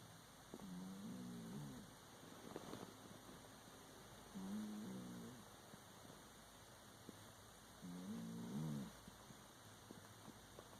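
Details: Three soft, tonal, wavering snores at steady intervals from a sleeping pet over faint room hum; snoring.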